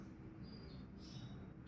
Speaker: Did you hear that? It's my stomach rolling. I think I'm I'm I'm hungry.